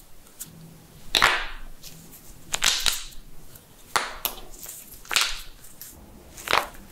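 Several sharp, irregular cracks and pops from knuckles being cracked; joint cavitation.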